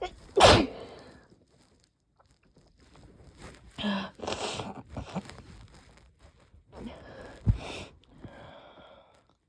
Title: yep, definitely a cold. increasingly desperate sneezes from incoming cold